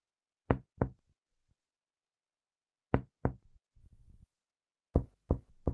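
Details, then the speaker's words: Finger percussion down the right chest along the liver's midline: resonant lung note changing to dullness from lung parenchyma overlying hepatic dullness, becoming resonant again on deep held breath; normal finding. "Acá encontramos un matidez. Se da por la superposición del parénquima pulmonar con la matidez hepática."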